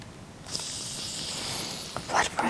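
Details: Simulated role-play medical exam of an adult female: steady hiss of air escaping a blood pressure cuff, followed by a few clicks; reading 98/60, stated normal.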